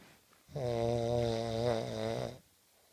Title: Two friends snoring around me